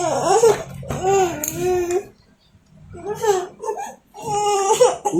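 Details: One-year-old breastfed boy, described as anemic, crying while being given vitamins: loud, wavering cries in bursts with brief pauses between them; ordinary infant crying.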